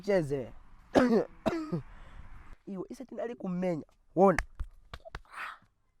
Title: Coughing - Comedy from Zambia